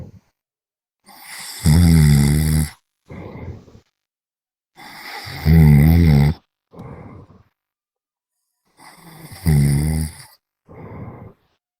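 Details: Person snoring during a VRChat session: deep, loud, groaning snores in three cycles, each a long rumbling in-breath and a short out-breath, about 16 a minute.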